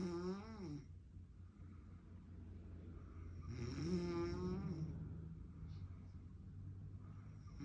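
Soft, low snoring sounds with a faint tonal, whistling edge, two breaths over eight seconds against a steady low hum.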